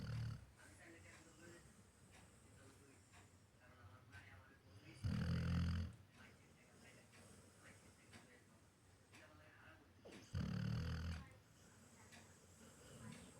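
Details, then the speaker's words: Loud, low rumbling snores about every five seconds from a small young dog sleeping on pillows in its owner's lap, with quieter breaths and faint room noise between; it snores like a human: snoring. "পুরো মানুষের মতো নাক ডাকে ঘুমোয়। রাত্রিরে তো আরও নাক ডাকে।"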